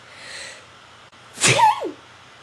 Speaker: sorry hold I just sneeze